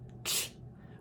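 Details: Lateral lisp (lateralized /sh/), a second version demonstrated by a speech-language pathologist to show the slushiness of lateralization.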